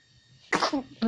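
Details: Half-month-old baby sneezing in the rainy season: a single short, sharp burst of air followed by a soft vocal sound.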